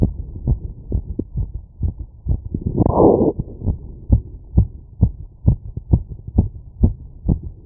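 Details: Heart auscultation through a stethoscope after physical workload: fast, regular heartbeat at about 130 beats a minute with a brief rubbing noise; quickened heart rate after exertion.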